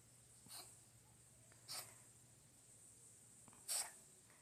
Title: 끝없이 재채기하는 고양이 Endless sneezing cat